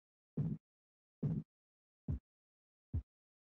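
Four soft, low thumps about 71 a minute, fading and shortening before stopping: Korotkoff sounds heard while a blood pressure cuff deflates.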